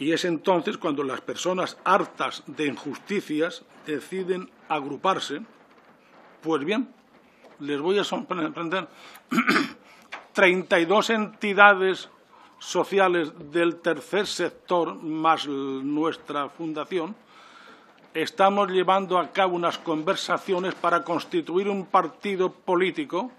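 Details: 69-year-old adult man with self-reported stuttering, speaking spontaneously in person at a parliamentary commission; he says he takes longer to say things than to think them; stuttering.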